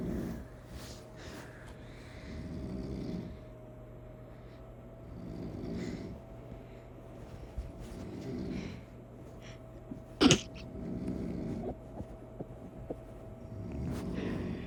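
Low rumbling snores roughly every three to four seconds, about 16 a minute, over a steady background hum, with a sharp click midway.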